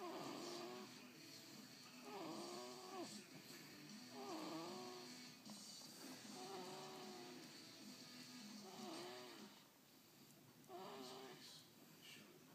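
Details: Soft, tonal snores recur about every two seconds during sleep, with a steady hiss and faint music in the background.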